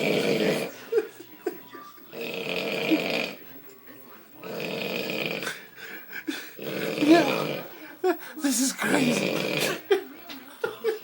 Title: snoring like a bear..